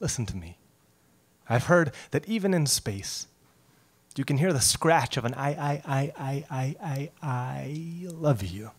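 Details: Male poet who stutters, performing a poem about his own stutter and demonstrating a repeated-sound block; stuttering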